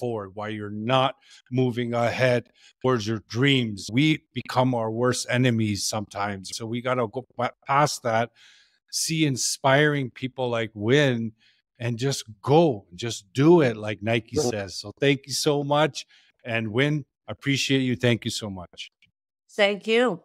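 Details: Adult male speaker; typical speech.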